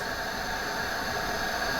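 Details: Continuous loud rushing hiss of gas flow set at 50 liters per minute from a Max Venturi high-flow nasal cannula system with heater.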